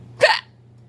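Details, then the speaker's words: A single loud, abrupt voiced hic with a sharp onset, then quiet, recorded at 5:30 am from a person with violent hiccups that keep them from sleeping: hiccups. "if you ever wonder what you hear if you hear a weird sound like that it's someone hiccup hiccuping very violently I mean this my hiccups are awful"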